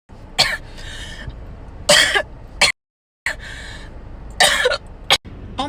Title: Cough & sneeze before and during or after corona Virus (tiktok comedy)